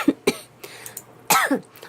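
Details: Several short, dry cough bursts with a throat-clearing sound from a girl who says she has caught a cold; ordinary coughing during a cold.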